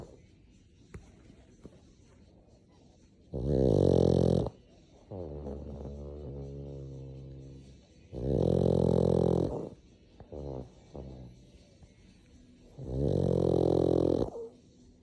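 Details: Loud, rough snoring in long bursts with softer fluttering breaths between, from a sleeping black pug, a flat-faced dog; about four breaths a minute.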